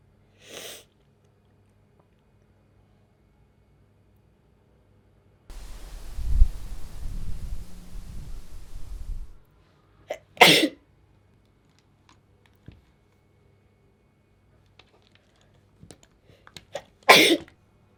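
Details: Woman repeatedly sneezing while applying makeup: three sharp sneezes spaced several seconds apart, with rustling noise between the first two.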